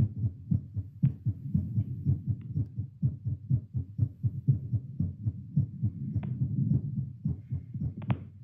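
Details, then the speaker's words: Own heartbeat through a Littmann CORE stethoscope during 10 squats, fast low thumps with occasional rubbing clicks; pulse oximeter rose from 78 to 85, then over 100, peaking at 115 around squat six: exercise-induced increase in heart rate. "I like how it sped up really fast. Like, as soon as I stood up, it went up to, like, 85, and then it was quick to go into 100."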